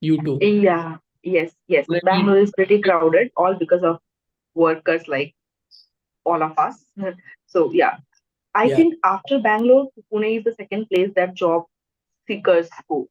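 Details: Adult woman who stammers, speaking naturally in a real podcast interview; stuttering.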